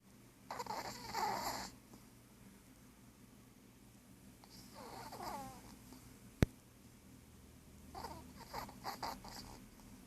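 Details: 16-year-old Yorkie asleep, snoring: soft fluttering snorts in uneven bursts with a single sharp click in a quiet room.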